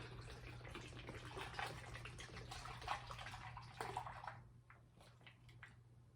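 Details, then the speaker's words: Kate Farms peptide 1.5 formula poured into a g-tube feeding bag: liquid pouring and splashing, then trickling to a stop, over a low room hum. "Open the cap to the top of your feeding bag, pour it in."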